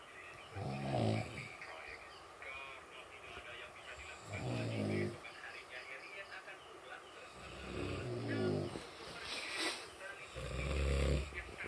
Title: Ngorok vs Ngorok, Mana yang Lebih Nyaring Suaranya